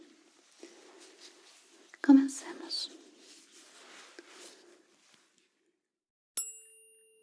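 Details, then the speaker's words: Simulated ear-exam ASMR roleplay: soft whispering, then a tuning fork struck and ringing with a fading high tone to test high-pitched hearing, the listener asked which ear hears it; tuning fork tone. "Bây giờ hãy kiểm tra phản ứng của bạn với âm thanh cao và thấp, được chứ? Trước tiên, tôi sẽ sử dụng âm thoa của mình để kiểm tra các âm cao."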